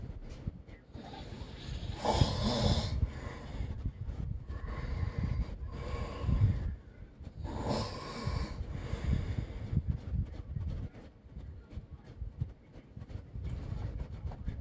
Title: Snoring part 1